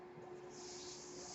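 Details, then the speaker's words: The speaker's own mechanical ventilator during podcast speech: faint steady hum with a soft airflow hiss that swells partway through, a running ventilator. "My name is. That noise you hear is my ventilator."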